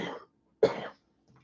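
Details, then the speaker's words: Adult with a usual ongoing cough gives two short, harsh coughs separated by a brief pause in a quiet room; cough. "As you can hear, I am, as usual, busy trying to cough to death."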